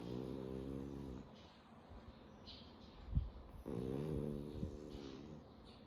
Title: Snoring away the day #frenchie #snoring #snoringdog